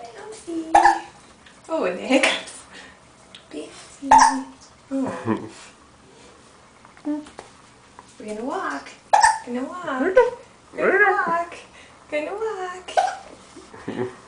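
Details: 9-week-old baby practicing walking and bouncing on a parent's feet: cooing broken by brief, abrupt hiccup catches, with an adult talking nearby; ordinary hiccups.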